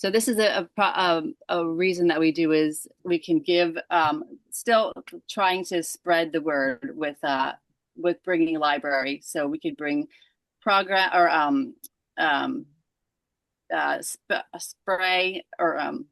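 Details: Aphasia in a woman after a stroke at age 37 caused by moyamoya disease, onset December 5, 2022 during sleep; left side affected first.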